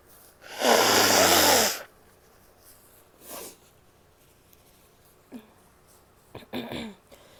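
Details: Female sneezing: one long, forceful sneeze, then a few brief sniffs and short breathy bursts.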